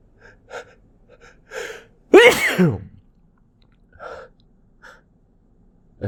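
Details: Person trying to hold back a sneeze into tissues: several short catching inward breaths, then one loud sneeze muffled into tissues, followed by quiet breaths.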